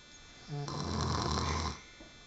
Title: snoring woman